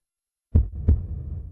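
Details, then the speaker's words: Normal heart sounds: a single lub-dub pair of low thumps. The first sound (lub) is louder and longer, from atrioventricular valve closure. The second (dub) is shorter, from semilunar valve closure. A faint low hum follows. "the first sound is louder that is love and of longer duration 0.16 to 0 .90 seconds it is due to closure of atrio ventricular vales at the beginning of the ventricular cyol"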